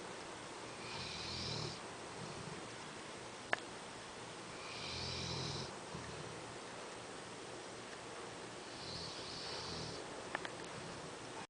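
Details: Soft, slow snoring breaths every few seconds with faint hissy and snorting tones from a sleeping dog; ordinary snoring.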